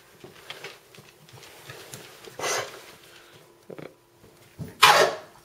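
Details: A dog gives about three harsh, dry hacking coughs, the last one loudest; owner says it is kennel cough.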